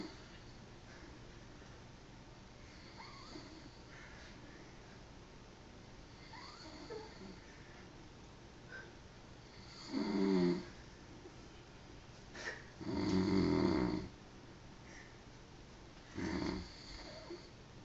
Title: My dad snores